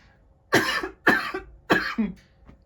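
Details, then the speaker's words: Adult man has a brief coughing fit: three forceful coughs in quick succession, followed by throat clearing. "Oh Jesus, I sound like Doc Holiday [clears throat] longer."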